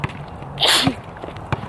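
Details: A single loud, sharp sneeze with a quick hissing burst over faint room noise.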